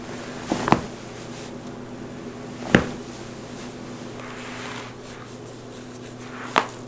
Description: Satisfying Bone Cracking Compilation! Loud Popping Knuckles, Necks, Toes, Backs, Wrists, Ankles, and More! No Talking ASMR